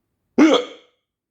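One abrupt, voiced gulping sound with a sudden onset that fades within half a second, fitting a single hiccup.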